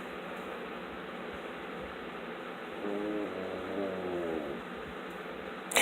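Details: Pug snoring in deep sleep: over steady background hiss, one drawn-out, buzzing, slightly whistling breath.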